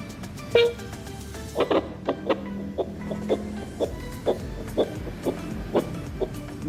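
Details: Simulated fetal heartbeat demonstrated on a handheld fetal Doppler with an LCD display and adjustable volume: steady, regular whooshing pulses at about 120 per minute.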